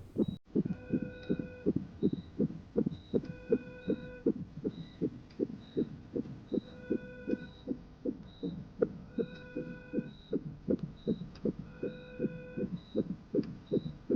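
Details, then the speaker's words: Simulated fetal heartbeat in a comedy TV drama about a pregnant man: fast regular whooshing thumps about 150 a minute with monitor beeps, called strong and normal. "这是什么声音？这是宝宝的心跳声，很强健，一切正常。"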